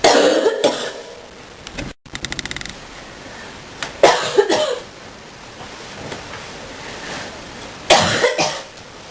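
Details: Deep coughing fit: three harsh, deep cough bouts a few seconds apart, each with two or three quick bursts, in a quiet room.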